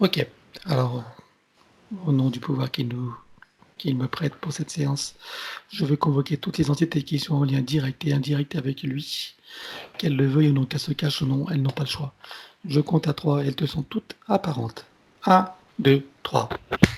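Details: Adult man speaking French; plain speech.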